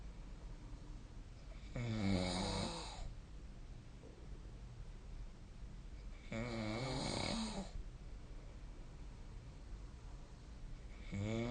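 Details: Snoring during sleep, recorded with the SnoreLab snoring app on 2025/05/24.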